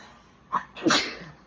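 A short indrawn catch followed by one sharp, explosive sneeze.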